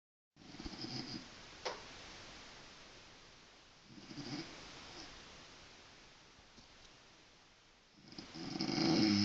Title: Mom snoring lol